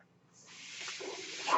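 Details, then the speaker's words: Mechanical ventilator breath cycle from the podcast speaker's own ventilator, heard as the speaker identifies the noise as the ventilator. "name is that noise you're he's my ventilator thank you so much for joining in the beige Turner's"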